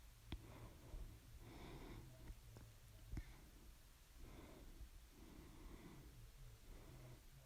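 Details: A bout of loud hiccups (second bout, started 11:24 PM) persisting despite drinking water and breath-holding. Sharp, sudden hiccup clicks a few seconds apart, between soft breaths in a quiet room.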